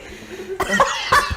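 Two or three short, sharp cough bursts from an adult after a quiet start, with faint room noise.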